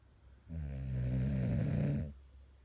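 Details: Person snoring: a single long, low, rumbling snore lasting about a second and a half, with quiet room noise before and after.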